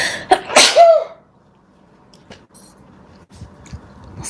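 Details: A single loud sneeze with a sharp intake and explosive burst, then quiet room noise, from a compilation of girls' sneezes; an ordinary single sneeze.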